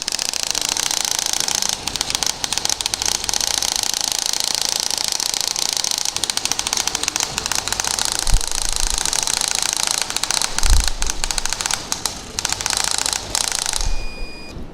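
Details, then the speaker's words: Extracorporeal shock wave therapy for plantar fasciitis of the foot, with a 15 mm linear head moved up and down and shifted by 15 mm: loud rapid clicking bursts, close to three per second, as the device fires. "basically what you do because it's a 15 millimeter i go up and down and then i shift it by 15 millimeters and i'm going to be finished very very very soon"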